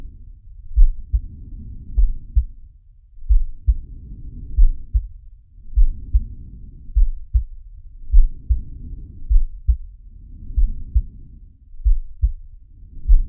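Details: Heartbeat and breathing sound of the cartoon shark Sharko from the Zig and Sharko animated series: low, muffled heartbeats over slow, soft breathing, roughly ten breaths a minute.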